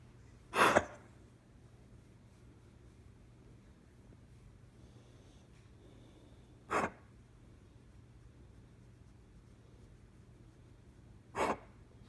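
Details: Three short, sharp, forceful cough bursts a few seconds apart in a quiet room, fitting single coughs from a dog.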